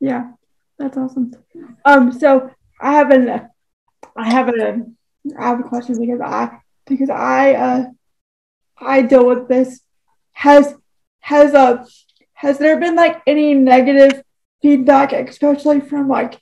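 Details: Adult woman with cerebral palsy who uses a wheelchair; dysarthria due to cerebral palsy.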